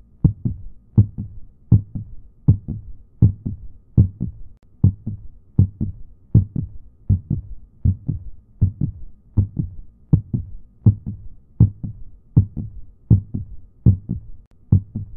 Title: Eyes (heartbeat)